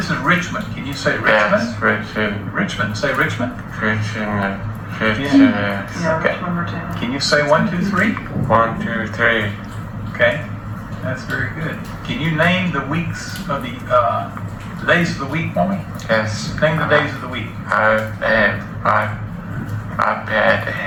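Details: Mild Broca's aphasia in a man seven years after a stroke: non-fluent, telegraphic speech lacking joining words, with the interviewer filling in sentences; comprehension intact but speech production a struggle.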